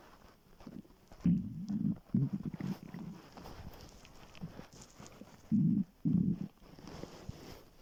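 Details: Morning on waking, very hungry: irregular low gurgling and rumbling bursts of hunger stomach growling (borborygmi), normal gut movement sound.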